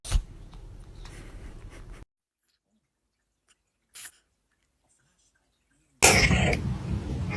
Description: Tiny sneezes, giant reactions — a charming ranking of cats sneezing caught on camera.